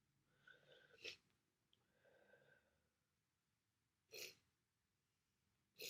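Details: Congested sniffling and two or three short sneeze bursts over a few seconds from a person with a bad cold; coughing also occurs in the recording; sneezing with congestion.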